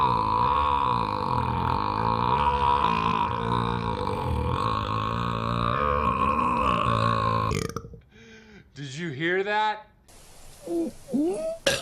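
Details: Supercut of burping scenes from different movies: several long, loud, voiced belches, some drawn out and rising and falling in pitch; acted, repeated burping.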